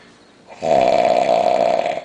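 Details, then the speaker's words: Very drunk adult male asleep on New Year's, not waking despite loud talking nearby: a single loud, harsh, rattling snore on a drawn-in breath, lasting about a second and a half, after quiet room noise. Snoring. "you sound like a [ __ ] Toyota point8 your mouth nothing's moving man where the [ __ ] that sh coming out exhaust system"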